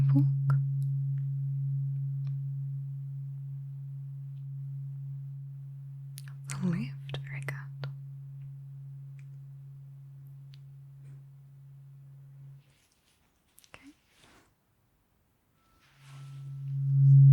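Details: Simulated ASMR cranial nerve exam roleplay, eyes-closed hearing test: a tuning fork is struck while the listener says when and in which ear they hear it. Tuning fork tone.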